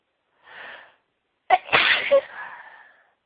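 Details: Single high-pitched sneeze during a sneezing fit: a soft in-breath, then a sudden explosive burst trailing into a brief exhale.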